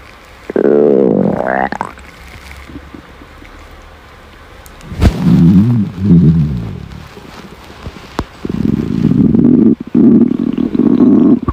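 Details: Hungry girl's stomach growling: loud, drawn-out groaning and whining growls with a rising tone, then a long low rumble; normal hunger bowel sounds (borborygmi).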